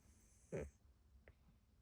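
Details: Neutered mixed-breed cat of unknown age, a former stray, sound asleep with half-open eyes: single short, low rumbling snore against quiet room noise.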